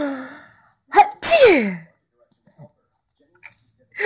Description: 3 month old thinks it's funny when mommy sneezes